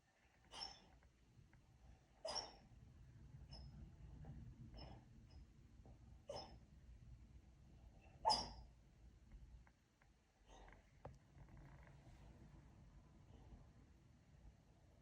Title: Dreaming/Snoring dog 😂